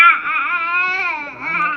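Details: 6-month-old boy with severe torticollis since 3 months, crying during a chiropractic adjustment, upset when neck muscles are pressed: sustained high-pitched tonal wail, one unbroken cry under two seconds.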